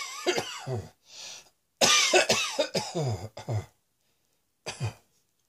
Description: Lying on the bed, exhausted after so much coughing.